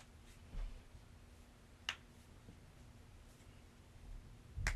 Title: KNUCKLES/TOES CRACKING COMPILATION #shorts